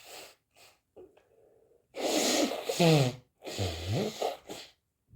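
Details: Two loud, explosive sneezes with sharp intakes and nasal sniffs around them, from a person with a cold: sneeze.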